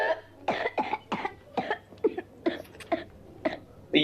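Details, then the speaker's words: Whooping cough (pertussis), given as an example of children's cough: continuous coughing spells with difficulty breathing and a whoop sound between them. A rapid run of about ten short coughs with little breath between, a paroxysmal cough. "Number चार whooping कफ। एक continuous coughing spells जिसमें सांस लेने में भी मुश्किल होती है और उसके बीच में एक की साउंड आती है।"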